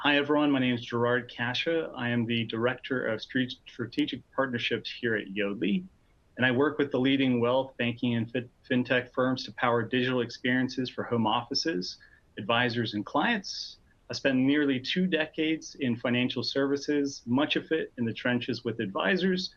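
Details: Adult male speaker; Normal speech.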